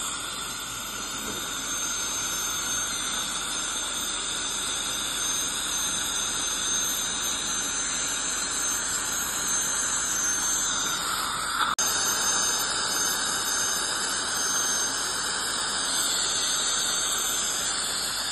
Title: Dental Scaling Clean Airflow Dental Hygiene 2